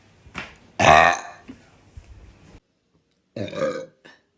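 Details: Girl burping: two loud, rumbling burps separated by a pause, with a few faint vocal sounds around them.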